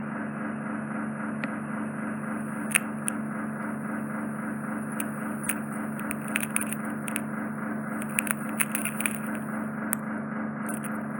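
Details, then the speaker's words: Ear wax microsuction with suction probe directly on the eardrum, impacted wax from cotton bud use; continuous loud suction hum, high whistle and crackling pops. "I can't get any more out because I'm putting the suction probe on the eardrum. I can feel the eardrum, I can visually see it being sucked into the suction probe, so we don't want to cause any trauma there."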